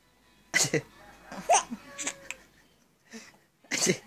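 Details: Adult deliberately imitating sneezes to a baby: three sharp, hissing fake sneeze bursts with soft infant sounds between them.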